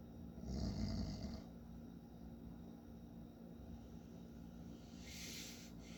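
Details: Adult man (father) snoring in sleep: one low, rattling snore, then quiet breathing and a soft breathy exhale.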